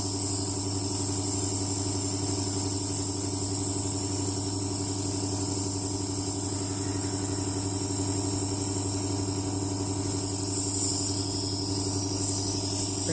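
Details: Nebulizer treatment in hospital for a baby with a productive cough: continuous motor drone with a rapid buzzing pulse and an airy hiss.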